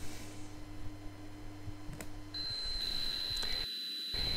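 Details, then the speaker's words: Tinnitus simulation played at an audiology conference presentation on tinnitus testing: steady low droning hum of low-frequency tinnitus, followed by a high steady whistle of high-frequency tinnitus; low-frequency tinnitus simulation. "transmission is very low frequency so I perhaps you don't hear on your computer"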